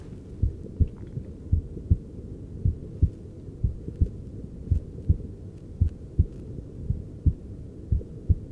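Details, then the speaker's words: Real adult male patient seated before cosmetic injections, heart monitored with a handheld device as he grows anxious: steady, regular paired lub-dub heart sounds at about 56 beats a minute; normal heart sounds. "so as our model is sitting here we can hear his heart rate slowly son to get a bit more anxious"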